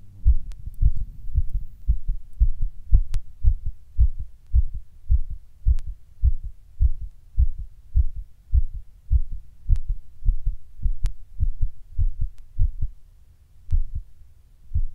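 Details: Recorded while just sitting down at rest: heart suddenly beating weird and hard, at times fast; a forceful heartbeat around 105 a minute, somewhat uneven with a brief pause near the end, felt as palpitations.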